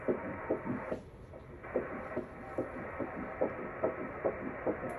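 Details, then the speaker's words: Fetal heartbeat heard on ultrasound at 7 weeks of an IVF pregnancy after frozen embryo transfer, baby growing on track: fast, regular whooshing pulses at about 143 beats a minute. "so at this ultrasound we got to hear baby's heartbeat which was just super cool"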